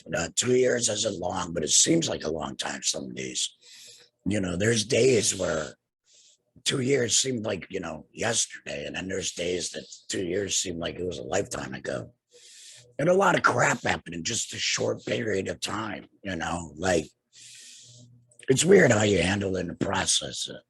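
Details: Adult man two years after total laryngectomy for cancer treated with radiation and chemotherapy; no larynx, breathes through a neck stoma, speaks via tracheoesophageal puncture (TEP) voice prosthesis with HME; tracheoesophageal speech after total laryngectomy.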